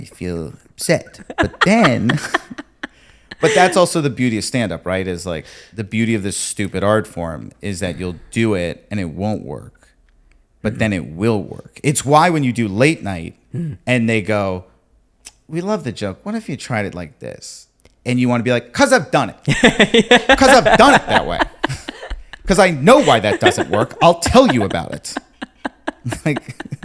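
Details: Adult male speaker; typical speech.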